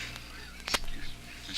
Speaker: have you ever wondered what would happen if a performer should sneeze while on the air listen to this example